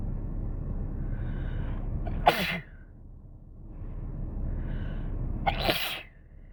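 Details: Sneezes while sick with a cold, possibly induced: two sharp, explosive sneezes, each preceded by a drawn-in breath, over a steady background hum.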